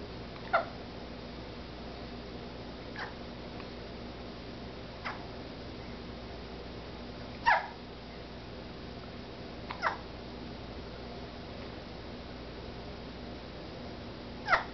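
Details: Hiccups in a cat: brief, sharp hic sounds at irregular intervals, about six in fifteen seconds, over a steady room hum.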